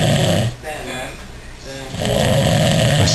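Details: Heavy snoring from a man passed out drunk after a single Smirnoff Ice: loud, coarse, rattling snores on the in-breath with short quieter gaps between them.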